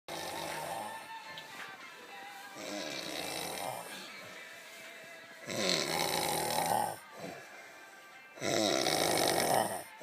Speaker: here, in his own environment, we have the warthog, sound asleep, blissfully unaware of his surroundings.